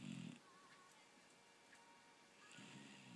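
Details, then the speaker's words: Snoring in Buddy, a four-month-old Golden Retriever puppy fast asleep: two low, rough snoring sounds with faint background music and room noise. "hello and welcome to buddy the dog snoring and everyone says puppies are cute and do adorable things now imagine sleeping with this on one side and andrew snoring on the other"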